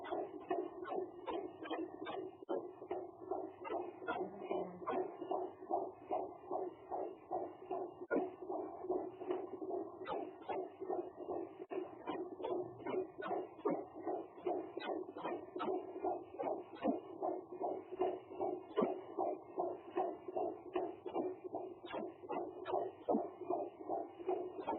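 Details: Pregnancy weeks 20 to 30, daughter's fetal heartbeat: rapid, regular whooshing at about 150 beats a minute, heard by Doppler.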